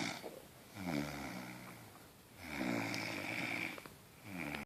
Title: snoring oink oink